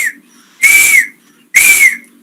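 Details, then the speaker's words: Imitated wheezes in a respiratory examination class: two high-pitched whistling expiratory sounds, described as the hallmark heard in a patient with an asthma attack. "Pero los que más vas a escuchar siempre son la lo patognomónico para que no se te olvides en un paciente con crisis asmática un paciente con crisis asmática Cuál es el que vas a escuchar los silvant"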